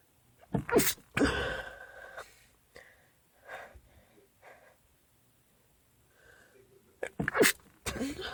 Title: Can anyone guess what made me sneeze?